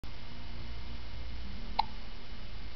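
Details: Two-month-old baby with hiccups, smiling and cooing: a single brief, abrupt catch of breath, a hiccup.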